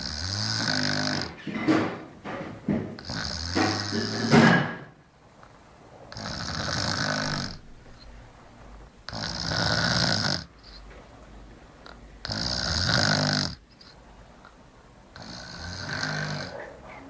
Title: snoring